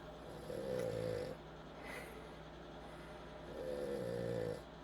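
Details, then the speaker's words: Sleeping female dog snoring after a bout of hiccups: two slow, long, buzzing snores about three seconds apart over steady room hum. "That is the dog snoring."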